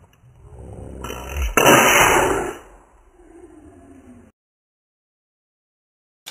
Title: The Sneeze